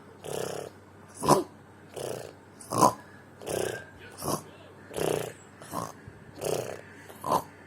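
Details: During sleep, regular, rough, rattling breath sounds occur on both breathing in and breathing out, about 16 breaths a minute: snoring.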